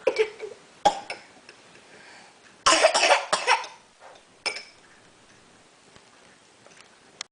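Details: A baby at breakfast, eating yogurt, gives several short, abrupt coughs in a quiet indoor room, with brief pauses between them; an infant cough.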